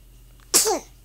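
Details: A single sharp, breathy sneeze after a faint soft sound in a quiet room, amid cooing and smiling.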